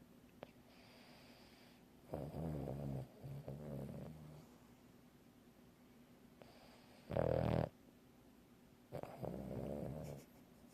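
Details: Snoring: four loud, low, fluttering snores separated by quiet pauses.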